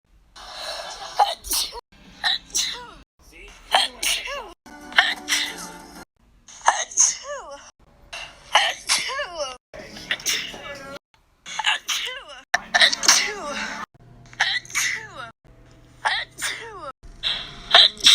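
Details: About a dozen sharp, explosive sneezes in quick succession over background music; sneezing.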